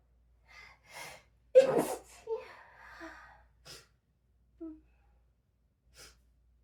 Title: Seven sleepy sneezes and a powerful nose blow #sneeze #sneezing #noseblow